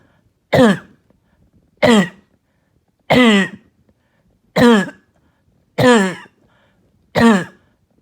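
Six harsh, hoarse, bark-like coughs at steady intervals, about 46 a minute; a barking, hacking cough.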